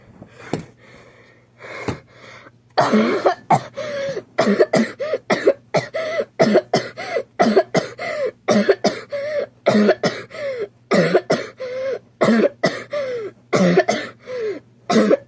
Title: TW: LOTS of coughing, working on my jump! (also dying cus I'm still sick!)